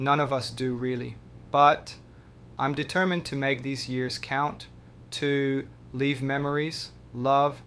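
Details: Dysarthria from bulbar weakness in an adult man with ALS (motor neuron disease); slurring began end of 2023 as throat muscles weakened; speaking is effortful and leaves him out of breath; progressive.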